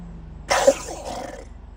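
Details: Crocodile: a single harsh, explosive cough-like burst followed by a brief rasping tail; cough.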